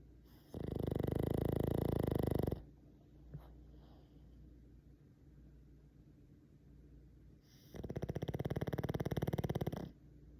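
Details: Dog snoring during snuggle time: two long, loud, buzzing snores of about two seconds each, with a quiet pause between them.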